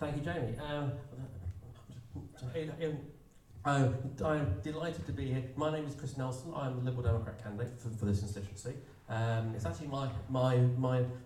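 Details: Stammer in an adult male political candidate who describes himself as openly disabled, speaking at an election hustings; stammer.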